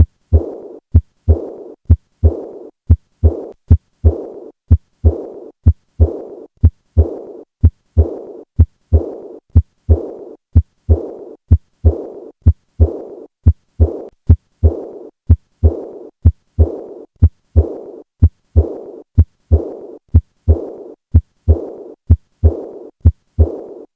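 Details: Acute aortic regurgitation heard at the 4th left intercostal space: regular heartbeat near 62 a minute with a fading blowing diastolic murmur after each beat.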